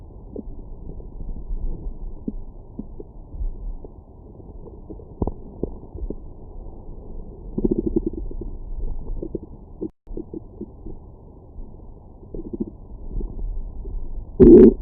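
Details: Stomach growling after breakfast: low gurgling rumbles and bubbling that come and go for several seconds, ordinary post-meal gut movement (borborygmi).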